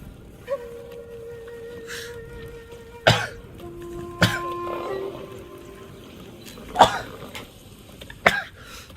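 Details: Adult sneezing four times in short, sharp bursts while live streaming, over quiet background music; sneezing attributed to allergy.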